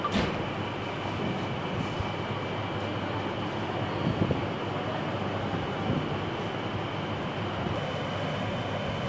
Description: This video is all about working dialysis machine. The video was made while a patient was undergoing hemodialysis through AV fistula.